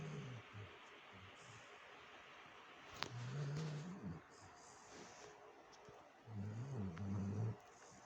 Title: my dog snoring